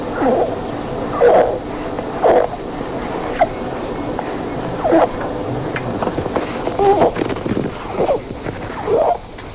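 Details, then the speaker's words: Example of stridor, played to contrast it with wheezing in young children: a harsh, high-pitched crowing noise on each breath in, from a narrowed upper airway. "the other was an example of stride or and the reason that was there is because i wanted to make sure that we can distinguish those two noises"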